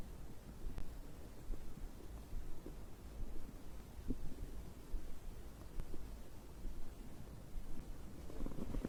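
Low, irregular gurgling and rumbling throughout, typical stomach growling from digestion.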